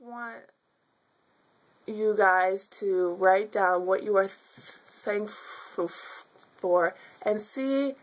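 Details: Stuttering in an adult woman who has stuttered since childhood.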